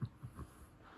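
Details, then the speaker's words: A resting dog lying beside its owner late at night in a quiet room gives three short, low, quiet snorting puffs while sleeping; ordinary harmless snorting. "Snort, snort, snort. Okay. All right, so that was a little quick bend while I'm hanging out here watching tunes with Frida snoring next to me."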